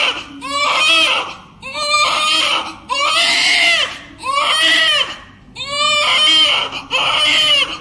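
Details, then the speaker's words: Loud, rhythmic crying in repeated wails about a second long with brief breaths between: a hunger cry from a 4.3 kg newborn just born in hospital. "आ देख सकते क्या हुआ baby आते आते भूख लग गई आते आते भूख लग गई"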